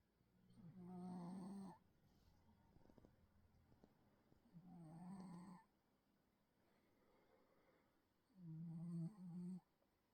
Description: Video description: Sleeping bengal cat makes snoring sounds like a baby elephant.